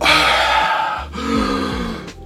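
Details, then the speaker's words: Adult man who gained 30–40 kg, with neck fat pressing his airway, imitates his obstructive sleep apnoea snoring as two short, strained, grunting throat sounds; he reports apnoeas about 80 times per hour when sleeping on his back. "et en fait c'est pendant que tu respires disons que je je ronfle à un moment donné là comme tu"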